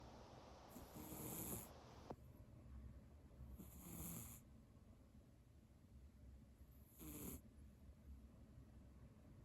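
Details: Sleeping cat snoring: three soft, noisy snoring breaths a few seconds apart with a low rumble throughout.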